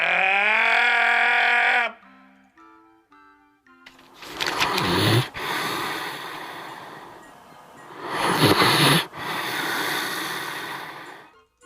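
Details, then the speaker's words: Pet dog, described by its owner as a pretty loud snorer, snoring while asleep: loud, rough snoring breaths about 16 a minute, after a brief musical jingle. "That's your dog. A snoring dog can be a lot of fun. Yeah, I can't tell if that's annoying or adorable."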